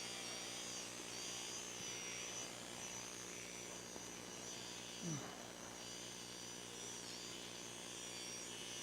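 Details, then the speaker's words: Steady low motor whir of an arthroscopic shaver during shoulder arthroscopy for tendon tear repair, freshening the bone surface and removing tendon remnants before repair, with faint operating-room noise. "And we'll use this shaver basically to freshen up the bone, remove any bits of tendon that might still be connected to the bone, basically clean up the surface of the bone here."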